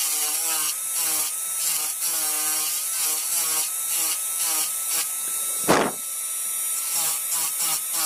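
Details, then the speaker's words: Dental high-speed drill cutting the functional cusp bevel at about 45 degrees, starting buccally, on a typodont mandibular first molar (tooth 36) for a full veneer crown: steady whine rising and dipping, brief air/water spray hiss. "So we'll start from the buccal side. You can even make grooves at 45 degree and can connect them."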